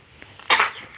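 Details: A 10-week-1-day-old baby girl gives a single quick, high-pitched, short airy sneeze; an ordinary infant sneeze.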